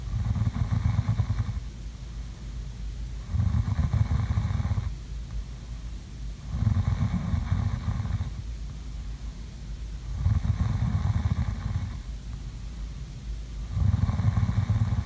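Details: Sleeping snoring sounds: low, rumbling snores lasting over a second each, about 17 a minute, with quieter breaths between; snoring.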